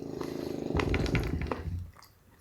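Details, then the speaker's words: Loud snoring from a person, heard in the background while someone eats buffalo wings and talks. "you are really snoring dude"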